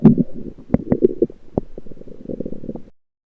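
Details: Lower intestine (lower gut) recorded with a USB electronic stethoscope: soft gurgles and a few brief pops for about three seconds; ordinary bowel sounds.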